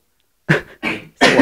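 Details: Three short, harsh, forceful coughs in quick succession from a dog named Pasha, a coughing fit.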